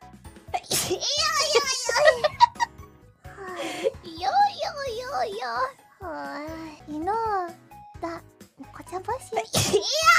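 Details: High, playful voice with sharp sneeze bursts among sung and spoken sounds during a livestream, over light music; sneezing.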